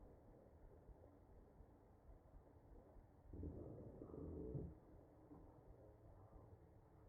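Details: Real ventilated patient, chest auscultation: muffled chest sounds with a louder breath carrying musical, whistling tones; wheezing from narrowed airways.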